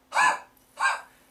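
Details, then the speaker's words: Demonstrated huff cough after about 10 breaths through an Acapella PEP airway-vibration device for asthma: two open-throated, breathy forced exhalations to move loosened secretions up the airways. "And then you do that, you know, do that about 10 times and then do a cough like a huff maneuver."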